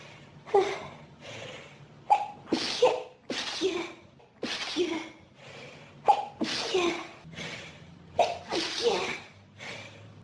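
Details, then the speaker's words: Rapid run of about eight forceful sneezes with gasping in-breaths and heavy breathing between them from a person with pollen and dust allergies, triggered by room dust; prolonged sneezing fit. "That was some sneezing fit. So intense."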